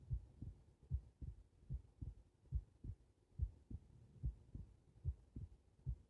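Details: Heart recorded lying on the back (supine): regular soft low lub-dub at about 70 a minute with faint background hum; normal heart sounds.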